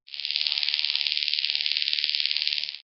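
Rapid, evenly spaced high-pitched clicking buzz lasting about three seconds: the test sound played during newborn otoacoustic emission hearing screening.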